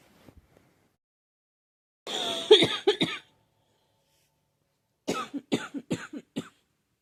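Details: Girl who thinks she is getting a cold, with a scratchy, sore throat: a soft throat-clearing cough, then a run of about six short dry coughs.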